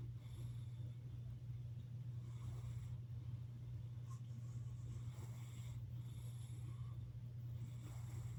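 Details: Cat (Stormy) snoring while asleep in a steady rhythm of rough, raspy breaths over a constant low hum, likened to a bear drowning in tar.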